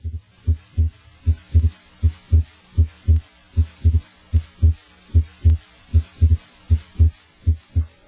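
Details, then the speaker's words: Heart sounds about 78 a minute, listening in aortic then pulmonic area: S2 splits on inspiration into A2 (aortic closure) and P2 (pulmonic closure); physiological splitting of S2. "try to identify the inspiratory splitting of s2 into its two components its first component a 2 is from left-sided a or tick valve closure its second component P 2 comes from right-sided pulmonic valve closure"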